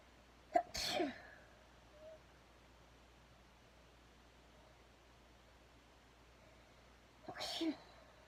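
Two sharp explosive sneezes several seconds apart in a quiet room; ordinary sneezing.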